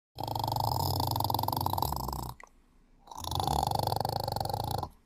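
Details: Sleeping cat snoring: a loud, coarse rumbling snore in long bursts with a brief quiet pause between breaths.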